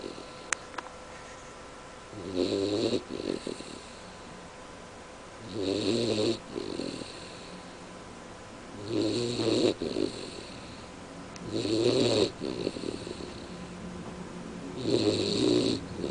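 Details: Turk snoring: five rumbling snores on the in-breath, about every three seconds, with quiet pauses between.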